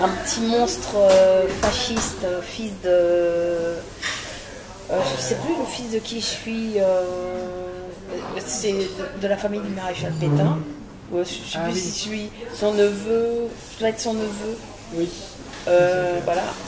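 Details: Real adult French-speaking woman, a voice actress, with a slight stutter that returns when voicing children, which she links to extreme childhood shyness; she also reports severe dyslexia causing word-finding trouble and word substitutions; stuttering.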